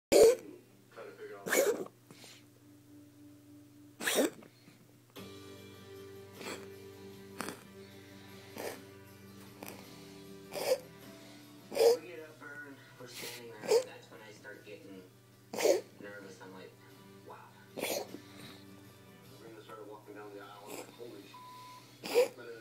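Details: A child coughing in short, sharp single bursts spread through the recording, with steady background music.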